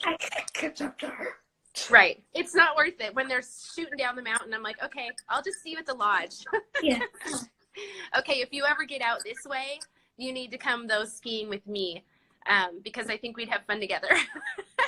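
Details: Adult woman speaking; ordinary speech.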